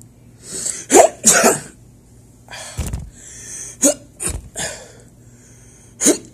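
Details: Adult acts out a series of short, partly stifled, hissy cough bursts, some almost like sneezes, in a quiet room: simulated coughing during a test.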